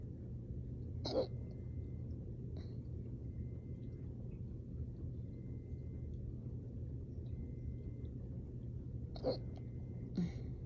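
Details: Hiccups after an intense workout and drinking water too fast: about four soft, sharp, muffled catches, irregularly spaced, held in with the mouth closed, over a steady low room rumble.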